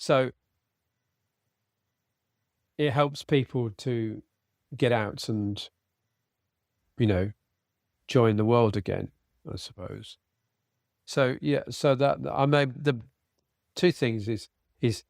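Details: Aphasia after a sudden stroke in a man treated with speech and language therapy.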